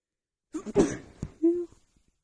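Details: Sneezing fit triggered by dust: a sharp explosive sneeze followed by a smaller one and a brief voiced sound.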